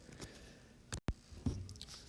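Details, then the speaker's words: Single adult sneeze during a recorded lesson, partly cut off as the pause button was hit: brief intake-like burst, abrupt recording cut, then a sharp explosive burst in a quiet room. "Sorry about that. I just sneezed. I hope you didn't hear that. I tried to hit the pause button."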